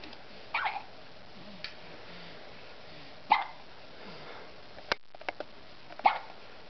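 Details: Dog with hiccups: three short, abrupt gulping hics at a steady pace of about 20 a minute, with faint clicks between, in a quiet room.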